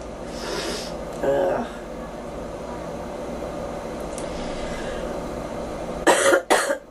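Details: Girl coughing a few short, sharp coughs over steady vehicle or train rumble.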